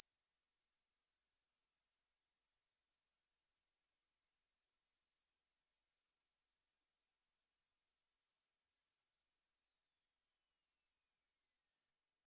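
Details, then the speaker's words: Online self-administered hearing test: a pure steady tone sweeping upward in frequency from low to very high; the listener pauses when the sound is lost to find the maximum audible frequency. "Get a finger tip prepared to press PAUSE. Are you ready?? 3 2 1 [Tweeting a sound in certain frequency from low to high]"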